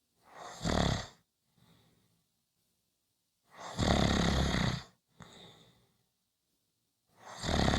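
Loud rattling snores on each in-breath with softer out-breaths and silent pauses between, about three breaths shown; ordinary snoring.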